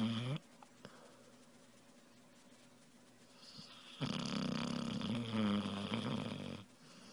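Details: Sleeping puppy snoring softly: a rough, rumbling sound on each breath, one long snore between quieter breathing.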